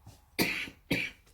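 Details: Two short, harsh coughs in quick succession, with a hoarse voice, from someone recovering from a bad flu.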